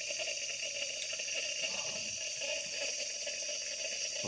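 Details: Steady hiss of a small volume nebulizer running on wall oxygen at 6–8 L/min via aerosol mask, delivering 2.5 mg albuterol in 3 mL normal saline during a breathing treatment; device working properly.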